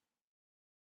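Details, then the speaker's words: Stridor, an inspiratory sound associated with extrathoracic airway lesions such as laryngomalacia or vocal cord lesions, and with tracheomalacia. "entonces lo vamos a asociar con lesiones extra torácicas como lo es la labinco malanje que está en la lesión de las cuerdas vocales y que ocurre en la inspiración"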